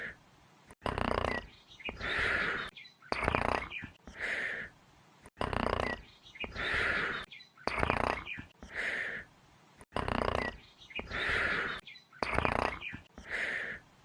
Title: BUBBA BUBBAPHANT SNORING SOUND EFFECT (SMILING CRITTERS) (POPPY PLAYTIME 3) (PLAYTIME CO)